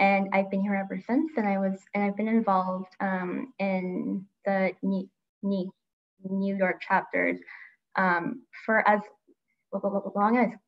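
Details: Adult woman who stutters and grew up covert about it, with part-word repetition; stuttering.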